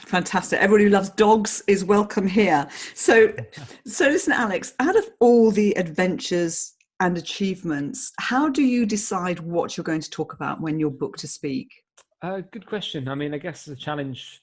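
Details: Adult speakers in conversation; typical speech.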